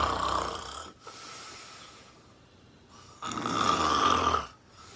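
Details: Adult woman asleep on a couch: two loud, rough snores on breathing in, separated by a quieter stretch, loud enough to hear across the room; heavy snoring.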